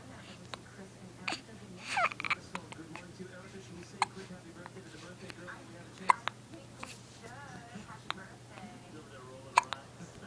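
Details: About five sharp, brief hiccups at irregular intervals over ten seconds, with quiet room noise and soft voices between them; hiccups.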